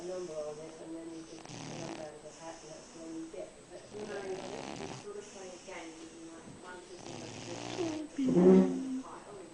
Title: Dude, Your Dog Is Snoring